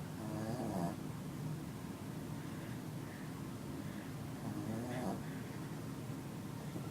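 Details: Sleeping female dog snoring, said to snort when awake: low, rumbling snore sounds against steady room noise.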